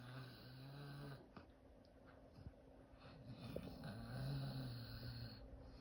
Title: Cooper the Dog Snoring and Dreaming